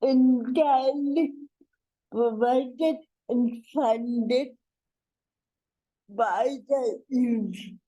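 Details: Adult woman with cerebral palsy introducing herself: dysarthria (cerebral palsy).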